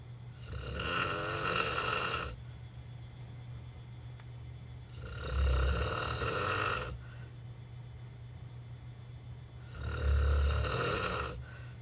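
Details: Terrible snoring from a sleeper encountered while travelling, bad enough that the recorder could not sleep: loud, harsh snores about every five seconds, each with a deep rumble, separated by quieter breaths.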